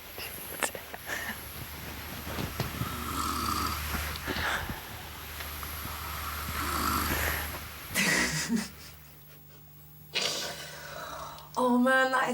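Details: Adult man snoring loudly while sleeping in a shared camp: loud, rough snores with rasping breathing noises over a steady background hum.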